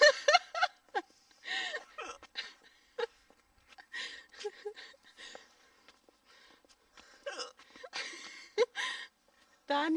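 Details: Repeated sharp, abrupt gulping hiccups from a woman, amid laughter and German chatter nearby.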